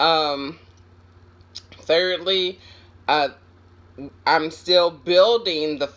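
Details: Aphasia after a stroke in an adult woman, recovering with brain mostly intact but sometimes struggling to get words from her head to her mouth.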